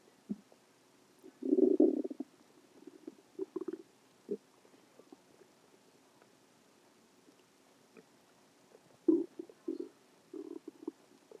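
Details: Irregular low gurgles and rumbling bursts, one loud rolling growl early and several shorter gurgles later, with quiet gaps: stomach growling (borborygmi).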